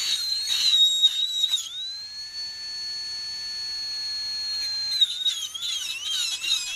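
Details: NSK-style PANA MAX high-speed air-turbine dental handpiece with carbide burs used in a home workshop on small metal parts; high, steady whine under very light load, dipping slightly in pitch as it starts to stall under pressure.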